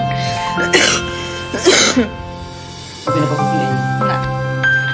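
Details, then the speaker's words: An adult actress coughs while touring her set base camp: two or three short, forceful coughs heard over steady background music. "itulah tadi guys kabar terbaru dari dan suara batuknya ya"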